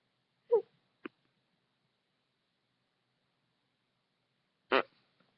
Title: u got tha hiccups fool